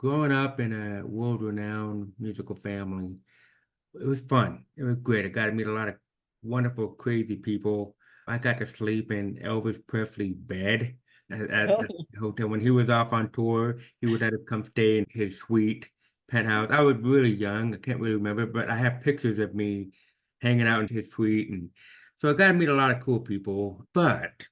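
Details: Deaf speech in an adult man with severe to profound hearing loss diagnosed at age 2, after about 13 years of intensive speech therapy; he still cannot hear the difference between T, CH and SH sounds; finding: deaf speech.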